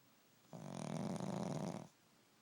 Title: A Dogs JOB is never done...Dog Snoring and i can't wake him up